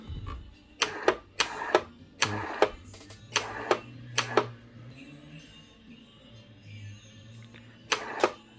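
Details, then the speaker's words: Pump valves clicking during repair of a Dabi ProfiNeo dental ultrasonic unit: sharp paired clicks repeating irregularly over a low pump hum as the pump runs. "Vamos só escutar elas bateram Deixa eu ligar aqui ó e a bomba funcionando que a válvula válvula batendo"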